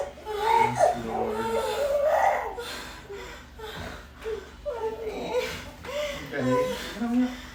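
Bursts of a newborn's crying mixed with adult voices in the room just after a normal birth.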